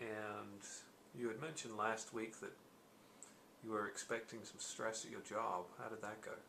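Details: Adult male speaker, likely an interviewer in a role-play; normal conversational speech.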